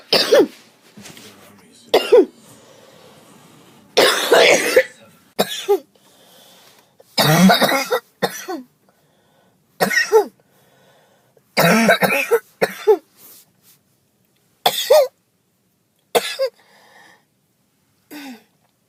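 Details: About fifteen harsh coughs with throat clearing in bouts separated by short pauses from a girl who thought it was allergies and says her chest hurts; cough.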